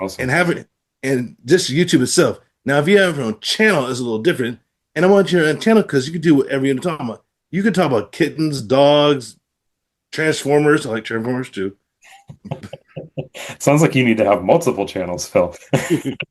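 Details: Adult man with aphasia following a stroke; aphasia.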